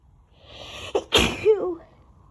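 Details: Sneezing fit: a rising inhaled build-up, a brief catch, then one forceful sneeze followed by a short voiced groan.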